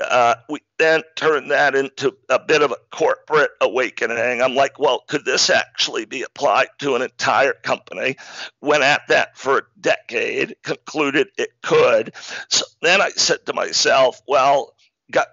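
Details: Adult man diagnosed in 2012 with spasmodic dysphonia, a rare neurological speaking disorder that made communicating difficult and caused partial loss of his voice; real, not acted; spasmodic dysphonia.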